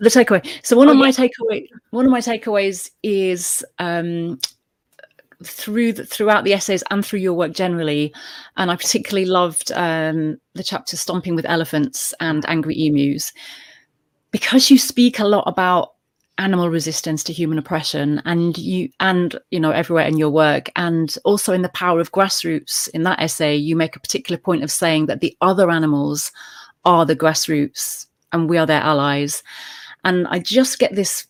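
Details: Adult speaker; normal speech.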